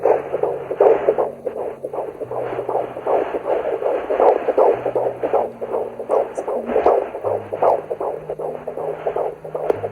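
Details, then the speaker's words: Rapid whooshing, galloping pulses near 158/min on Doppler. Fetal heartbeat. "Probably today I should be able to hear the baby's heartbeat, and maybe they'll check my urine, check my blood pressure, things like that."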